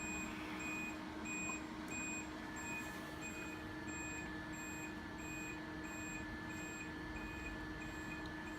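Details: Steady high-pitched beeps about every half second over a constant hum from a veterinary therapy laser during a roughly 13-minute session delivering about 7800 joules to a recovering patient on pain medication; therapeutic laser machine beeping.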